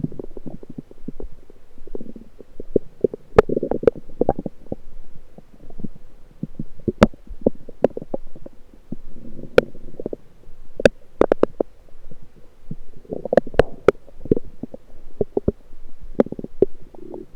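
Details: Recorded over the lower abdomen with a USB electronic stethoscope: frequent gurgling and bubbling lower intestinal sounds with sharp clicks, recurring gut gurgling: bowel sounds.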